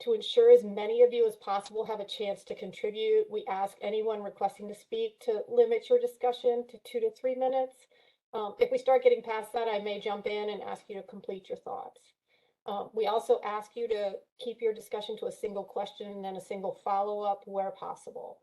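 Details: Adult woman speaking; Normal voice.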